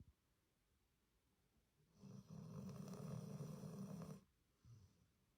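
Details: Sleeping rescue dog snoring in a quiet room: a low, rattling snore lasting about two seconds, then a brief softer breath sound.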